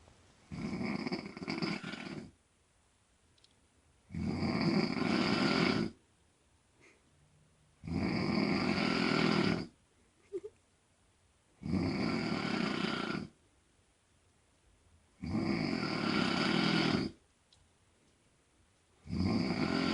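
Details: Mother snoring during sleep: loud, rough snores recur about every four seconds, with quiet gaps between them.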